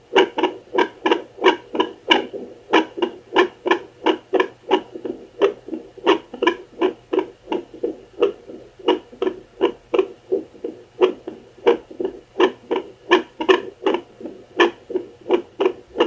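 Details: Home Doppler on a non-pregnant woman with known heart arrhythmias and palpitations, searching for a "cryptic pregnancy" heartbeat; whooshing pulses about 87 a minute with somewhat uneven spacing: heartbeat on home Doppler.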